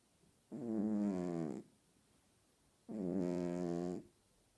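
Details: Cat snoring loudly while asleep: two slow, buzzing, rumbling breaths about two seconds apart with quiet pauses between; snoring.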